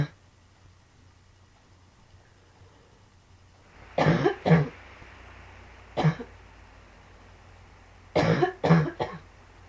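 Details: Quiet room, then two clusters of short dry coughs, about five in all; frequent coughing in a person with pulmonary sarcoidosis.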